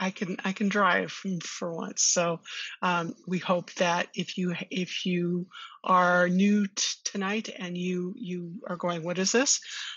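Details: Stuttering in an adult woman who attended speech therapy growing up.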